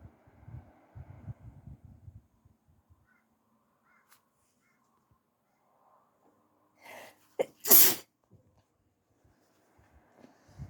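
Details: Morning sneeze while still sleepy, with a tickly throat and some coughing: soft breathing, then a quick inhaled catch and a loud, sharp sneeze.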